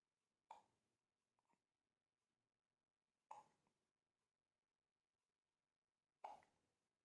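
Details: Six-month-old baby with hiccups: three soft, abrupt hiccups about three seconds apart, roughly 20 a minute, in a quiet room; typical infant hiccups.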